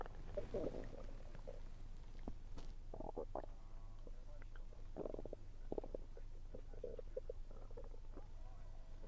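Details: Stomach rumbling while eating, heavy on a low-pressure weather day: gurgling, bubbling rumbles in short runs with faint chewing noises; ordinary bowel sounds (borborygmi).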